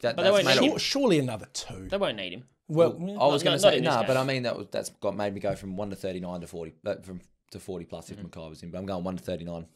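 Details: Adult male speakers; ordinary speech.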